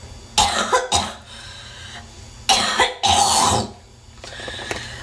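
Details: Female coughing attack, suspected by the uploader to be a smoker: bursts of harsh, congested coughing with throat clearing and hawking of phlegm; a wet, productive cough.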